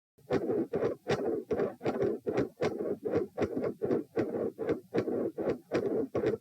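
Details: Heart sounds recorded lying down (position P) while the Valsalva maneuver is performed repeatedly; regular heartbeats at about 78 a minute.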